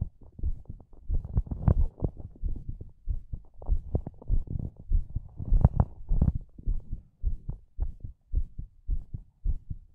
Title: ASMR HEARTBEAT